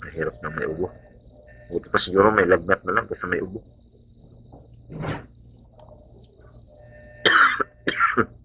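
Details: A person with a dry cough, described as an asthma attack, gives several short, harsh, dry coughs in bursts over night-time cricket chirping.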